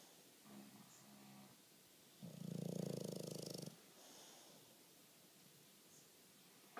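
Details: Bulldog snoring in sleep on a lazy afternoon: quiet room, then one loud, rattling, low inspiratory snore lasting over a second; snoring.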